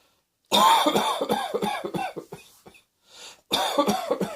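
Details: A rapid run of about ten short harsh coughs trailing off, then a breath in and another quick burst of coughing.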